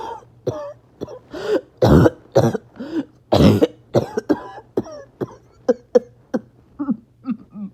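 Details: Harsh, repeated barking coughs with strained, squeaky whooping breaths drawn in between, after a bad 48 hours: a barking cough with wheeze.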